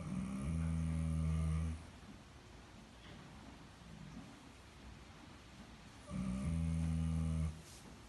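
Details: Horse snoring while asleep: two deep, loud, fluttering snores about six seconds apart with quiet breathing between; ordinary snoring.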